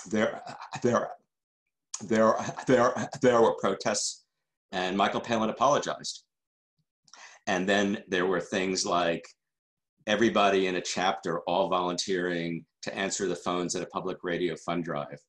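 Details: Adult man who stutters, a member of the stuttering community for decades: stuttering.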